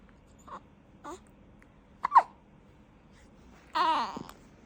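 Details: About one-month-old newborn baby with hiccups: short, abrupt little catches of breath, some with a small squeak, followed by a brief fussy sound.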